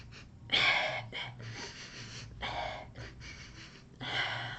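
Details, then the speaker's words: Rapid run of sudden, forceful gasping inhalations and hissing breaths: respiratory (breathing) tics in a person with Tourette syndrome, which they say have returned and increased during recent grief. "over the past few days I have started ticking with my breathing again as I've done in this video and I'm sure I'll do it again"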